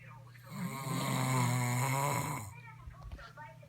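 A single loud, low, rattling snore on an in-breath, then quieter breathing; loud snoring.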